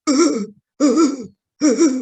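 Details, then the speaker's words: Croup (acute subglottic laryngitis, usually parainfluenza): three harsh, brassy, metallic seal-like barking coughs, the characteristic "dog-like" cough on which diagnosis is clinical. "La característica principal es su tos metálica, su tos perruna, su tos de chucho, dice la gente."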